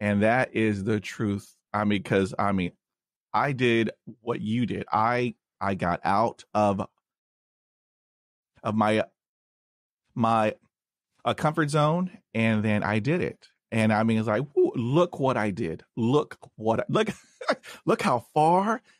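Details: Stuttering in an adult man, attributed to a head injury from a dog attack at age five, which he calls neurogenic, with word repetitions.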